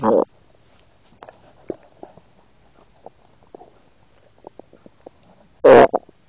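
Gurgling stomach sounds with two louder rushes and scattered small pops, normal noises of swallowed air and fluid.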